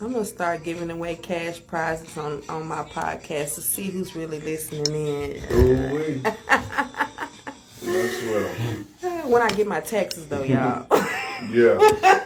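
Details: Adult speakers in conversation; ordinary speech.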